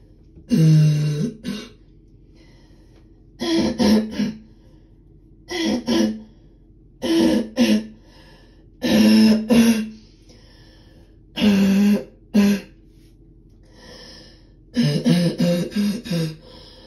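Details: Deep barking cough from an adult, described as painful to the throat: repeated harsh coughs in short bursts with quiet pauses between.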